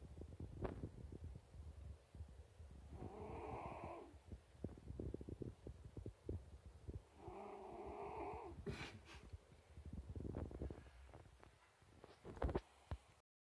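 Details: Snoring in a sleeping pet: two drawn-out buzzing snores over rustling and clicking noise, with a snort near the end.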